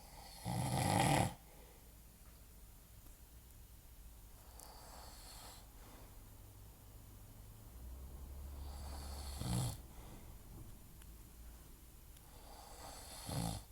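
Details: Adult man (a father) asleep: short, snorting, noisy breaths recurring every few seconds over a low background hum; soft snoring.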